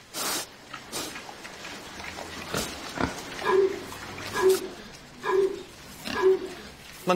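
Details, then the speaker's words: A pig on an organic farm coughing with a cold, short harsh repeated coughs, about four in a row. "on entend tousser un cochon ils attrape des Rumes comme nous il arrive qu'il y ait une vague de rhume chez eux comme chez les humains"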